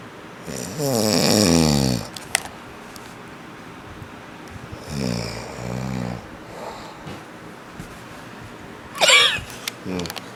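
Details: Sleeping adult man (a father), known as a loud snorer: harsh, buzzing snores on the in-breath with a whistling nasal snort, over steady room noise; snoring.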